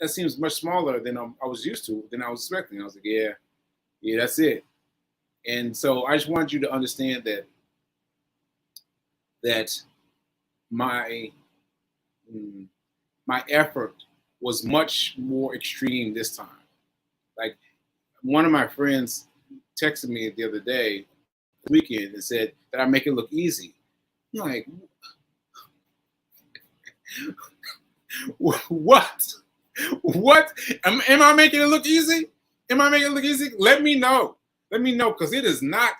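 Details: Aphasia in a man almost one year after a stroke on 7/14/22; this stretch shows word-finding pauses and fillers.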